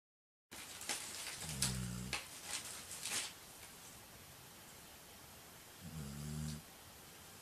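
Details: Dog Ku-chan asleep, recorded on a tripod camera: low, rumbling snores, two clear ones a few seconds apart, with rustling noise; snoring.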